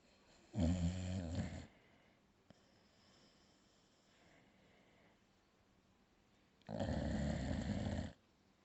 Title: my snoring dog